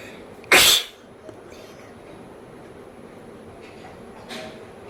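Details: Woman sneezing during a nose-blowing sneezing challenge done with paper, her eyes tearing and one nostril running more: a single sharp, loud sneeze, then quiet breathing and a faint sniff.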